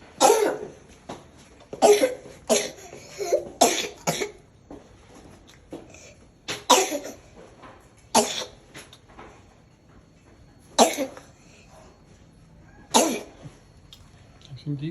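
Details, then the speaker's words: A child gives repeated short, forceful coughs, some in quick pairs, with quiet gaps while a parent comforts him and offers water; cough. "I know. I know. You okay? All right. Can I get you a little drink of water?"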